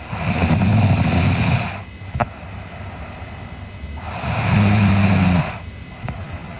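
Two loud rattling snores on the in-breath with quieter out-breaths between, ordinary snoring during sleep.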